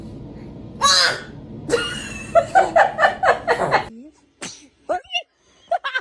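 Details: A baby sneezes repeatedly, with more than one sneeze in a row.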